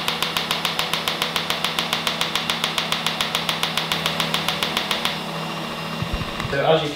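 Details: Laser removal of a long-standing, unchanged mole in a female patient: rapid, regular sharp clicking pulses, about two a second, over a steady hum, then stopping as the erbium laser vaporizes the mole.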